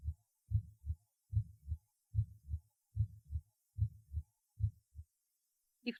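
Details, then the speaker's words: Heart auscultation at the second auscultation point: a regular beat near 73 per minute with a soft, gentle diastolic murmur after the second sound: aortic regurgitation murmur. "диастолический шум во второй и пятый точках аускультации свидетельствует о наличии недостаточности клапанов аорты 2 тонн почти всегда ослаблен"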